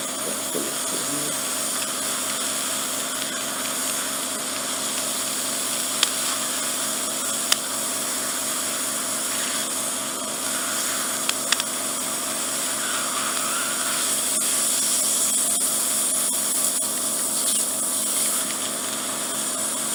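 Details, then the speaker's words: Ear wax microsuction deep in the ear canal of an adult who swam a lot in cold water, suspected swimmer's ear bony protrusions trapping wax: steady high-pitched suction hiss with occasional sharp clicks. "so i'm gonna suck some more out first look around"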